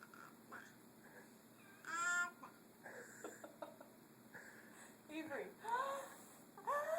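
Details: A young child makes several short voiced squeaky "ah-choo" bursts with rising pitch in a quiet room, fake coughing and sneezing; imitated sneeze.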